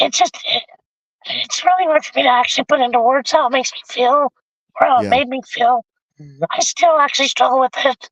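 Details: Adult male with vocal cord paralysis since a severe injury; tracheostomy removed after 2 months; a scope still shows paralysed cords; he has spoken this way for 25+ years.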